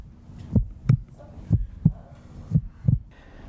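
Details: Paired low lub-dub thumps at about 60 beats a minute with faint room noise: a transplanted heart heard through a stethoscope in the adult male recipient, as the donor's mother listens.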